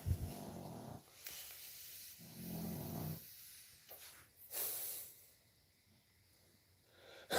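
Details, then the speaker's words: Snoring from a sleeping pug: low, rattling snorts in slow, rhythmic breaths with faint room noise between them; owner says this is not her loud snore. "Oh, can you really You can hear the pug snoring? And that's that's not even her loud snore. She can snore like a truck driver."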